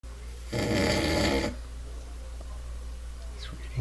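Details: Snoring from a sleeping person.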